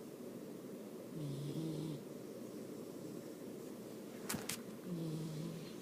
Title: My puppy snoring?????!